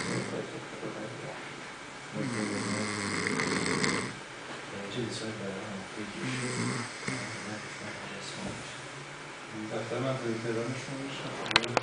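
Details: Adult man snoring who believes he doesn't snore: repeated rough, fluttering snores with breaths, in a small room with faint background noise.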